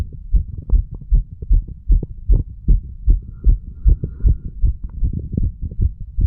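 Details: Heartbeat recording of a 35-year-old under the influence of medical marijuana and tobacco.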